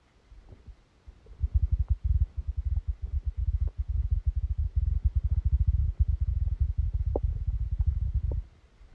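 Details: Bowel sounds (stomach rumbling) during a stomachache after Christmas dinner, recorded while sleeping: long continuous low rumbling and bubbling with scattered gurgles; active bowel sounds.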